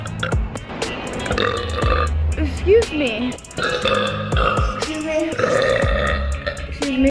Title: burping really loud